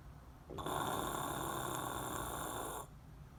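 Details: Person sleeping very deeply, cheeks and lips fluttering: one long, rattling, fluttering inhaled snore lasting about two seconds; ordinary snoring.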